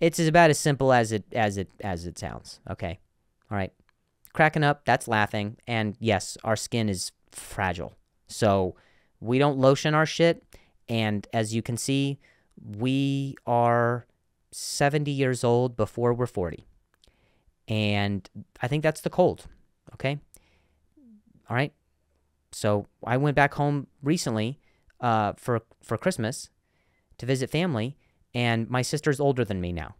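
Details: Stuttering in an adult male comedian who has stuttered for a long time and still sometimes does; repeated words heard.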